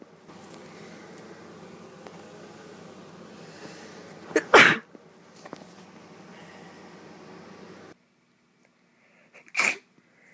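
Two sharp, explosive sneezes a few seconds apart over steady room hum.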